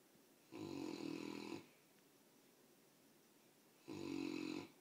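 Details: Sleeping mastiff puppy with two long, buzzy, rattling snoring breaths about three seconds apart, quiet between; snoring.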